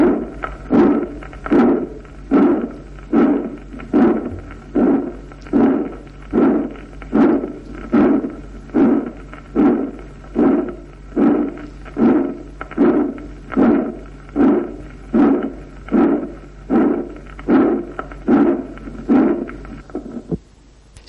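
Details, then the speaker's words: Pulmonary stenosis: regular heartbeat about 75/min with a loud harsh crescendo-decrescendo systolic ejection murmur. "Se irradia cuello y punta, a veces hacia la espalda en el espacio interescápulo-vertebral."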